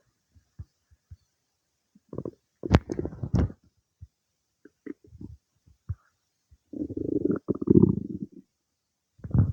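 Low gurgles, squelches and a longer rumbling bubble in a quiet room; ordinary stomach noises of digestion after eating.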